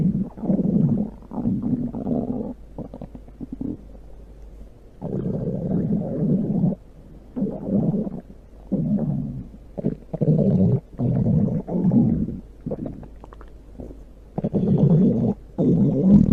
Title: Stomach growl (big sound)